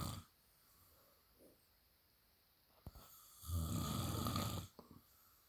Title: hubby snoring up a storm! ugh....he drives me crazy!